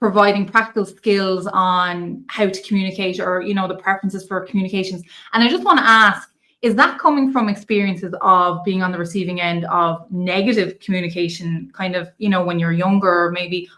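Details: Adult woman speaking; normal fluent speech.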